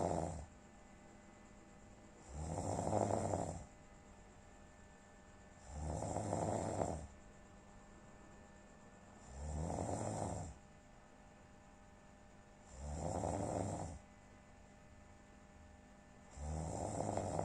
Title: Ngorok wkwk